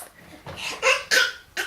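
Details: 10-month-old infant girl giving a few short, light voluntary coughs on request as a playful trick, alongside hand clapping; not illness.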